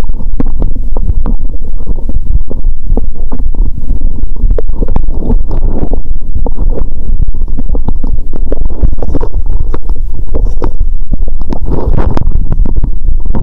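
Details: Loud, continuous crackling and bubbling gurgles through a stethoscope on the abdomen after cola and Mentos, painful full belly; active bowel sounds from gas moving through the gut.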